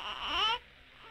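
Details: A single short, high-pitched infant cry that falls in pitch and stops abruptly.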